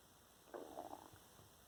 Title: Stomach making digestive noises